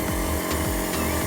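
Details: Loud continuous buzzing motor hum with low rhythmic pulsing from an Elitech Promist-2 compressor nebulizer running with a mask during a steam-output demonstration; compressor nebulizer running.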